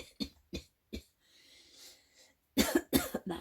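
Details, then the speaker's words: Irritant-induced coughing, which the person blames on a spray, just after feeling throat trouble and saying they couldn't breathe: three short dry coughs, a breathy pause, then a rapid burst of four or five more. "That's the spray that's making me cough."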